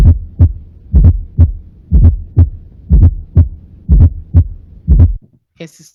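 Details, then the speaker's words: Heart sounds about 60 per minute with a low extra sound late in diastole just before S1; normal intact S2: fourth heart sound (S4) from atrial contraction into a stiff ventricle. "el ruido 4 también es un soplo no es un ruido diastólico pero es un ruido tele diastólico también sucede en la diástole pero al final justo antes de que se presente el primer ruido y se escucha de diferente manera que el s 3"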